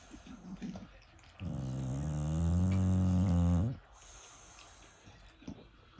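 One long, low, rumbling snore on a breath in, lasting about two seconds, with quiet rustling around it. Snoring.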